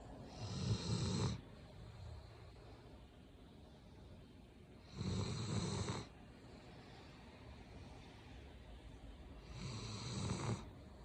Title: snoring